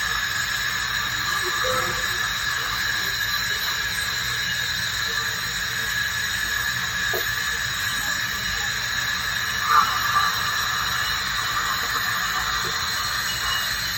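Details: Dental hygienist's ultrasonic scaler removing tartar and plaque during teeth cleaning of sensitive teeth: steady high-pitched hiss and whine with faint squeaks.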